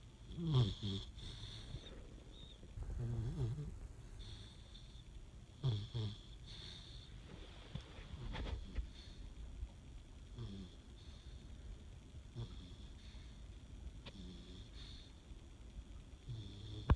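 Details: Ordinary snoring during sleep: low rumbling snores recurring irregularly over quiet breathing, with faint room noise.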